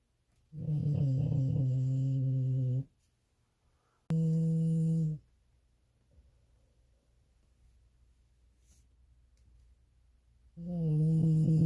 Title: #shorts Have you ever heard a dog snore this loud?